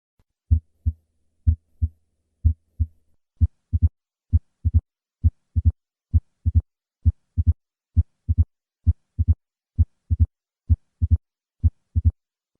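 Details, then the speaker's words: Opening snap of mitral stenosis, heard at the cardiac apex, from a thickened mitral valve: regular heartbeat near 66 a minute; after three normal beats, a sharp high-pitched extra click follows each second heart sound. "this opening snap is secondary to the thickened mitro valve and occurs at the Apex very soon after the second heart sound"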